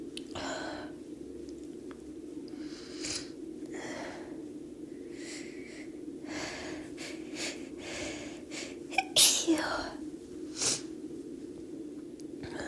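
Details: Induced sneezes: soft breathy build-up inhalations over a steady background hum, ending in a couple of short sneezes.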